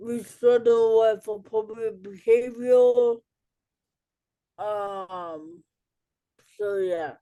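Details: Adult woman, an educator and author with cerebral palsy, speaking in a real interview: dysarthric speech due to cerebral palsy.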